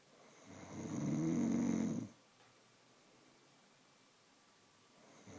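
One long, rough, rattling snore on a breath in, then quiet; ordinary snoring.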